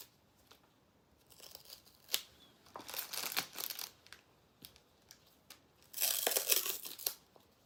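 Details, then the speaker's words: Medical tape tearing and crinkling in short bursts in a quiet room as it is pressed down to secure looped IV extension tubing along the arm after peripheral IV insertion, in a nursing skills demonstration. "So, now I'm going to loop the extension tubing alongside the arm um and tape it in place."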